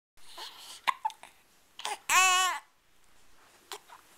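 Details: 7-week-old infant with hiccups: several brief, sharp catches of breath at irregular intervals, one short high-pitched infant squeal between them, soft room noise.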